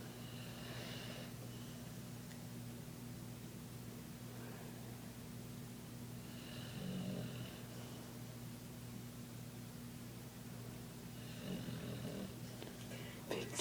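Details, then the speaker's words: Snoring from a sleeping dog whose legs twitch as if dreaming: soft, rhythmic snores with a few faint snorts and low room hum. "Victor, what are you dreaming about? Boyfriend. What? Victor, why do you snore so loud?"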